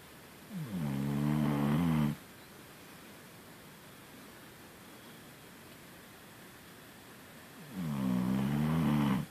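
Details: Two deep, buzzing, vibrating snores on the in-breath, separated by a long quiet out-breath, about 8 breaths a minute: snoring.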